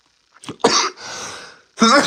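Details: A couple of short, harsh cough bursts, a breathy throat noise, then another cough from a man who says he is still sick and recovering; cough.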